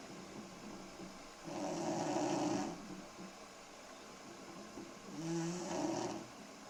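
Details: Four-year-old girl snoring "like a pneumatic drill" in early summer 2008: two slow, rough, rattling breaths, about 18 a minute, over a quiet background; snoring in sleep.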